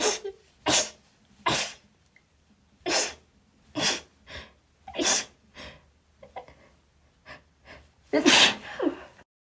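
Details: Sneezing induced by a first try of chhinkni: a rapid run of about a dozen sharp, explosive sneezes in quick succession with gasping and false starts, ending in a larger final sneeze.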